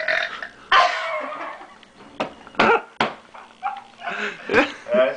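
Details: Run of loud, gurgling burps after a woman chugged a gallon of water in 10 seconds while drunk, trying to get rid of hiccups; voices and laughter nearby.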